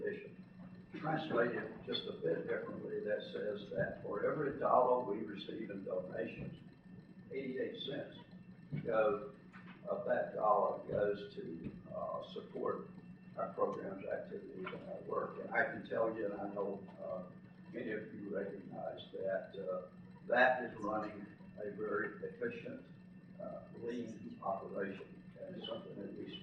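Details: Adult man with self-reported spasmodic dysphonia, speaking as president of a spasmodic dysphonia patient association at its educational conference; real condition, spasmodic dysphonia.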